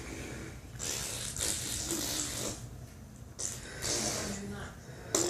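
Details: Child making imitated snoring noises like his grandfather.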